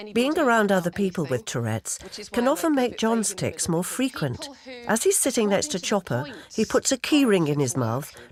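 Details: Adult narrator; normal adult speech.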